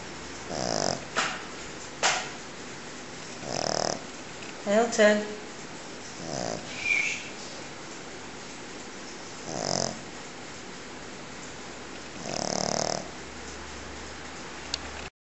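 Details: Pekingese dog snoring very loudly while sleeping: loud, irregular snorting and rasping breaths, with one short human call in the background.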